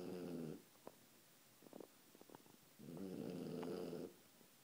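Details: A dog sleeping upside down on a chair: two rough, buzzing snores on breathing in with quiet snuffles between; snoring.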